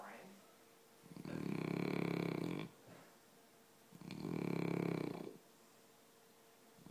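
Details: Two people snoring: two loud, deep, rumbling snores roughly three seconds apart, with quiet pauses between; heavy snoring.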